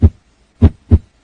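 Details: Low, dull thumps in a lub-dub pattern with no extra sounds between them, as heard through a stethoscope over the heart; normal first and second heart sounds produced by valve closure.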